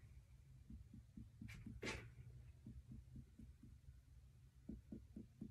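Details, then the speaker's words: A student nurse percusses a healthy adult abdomen after normal bowel sounds and no bruits: a series of soft, evenly spaced tapping knocks. "Next, I am going to percuss your stomach. Just listen to what it sounds"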